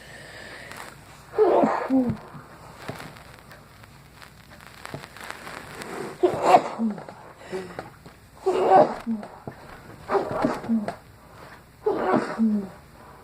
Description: Sneezing while I was eating dinner decided to capture the audio for you. Enjoy!